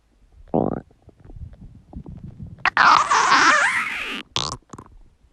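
Loud, long bubbling gurgle with a rising and falling pitch, between shorter squelches. This is ordinary stomach and bowel gurgling (borborygmi).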